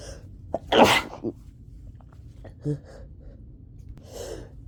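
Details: One forceful explosive sneeze with a sharp intake before it, then quieter sniffs and breaths, from an adult sneezing repeatedly with a summer cold.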